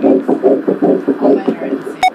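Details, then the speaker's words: Fetal heartbeat on first ultrasound at about 7 weeks (measured 6 weeks 6 days): rapid, regular whooshing pulses of an early fetal heartbeat on Doppler, a normal finding. "right in there we see that heartbeating you see that's the baby that's crazy you hear the baby"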